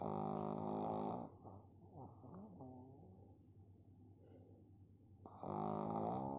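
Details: Pug snoring: two loud, buzzy snoring breaths with a quieter snuffling stretch between them; snoring in a flat-faced dog.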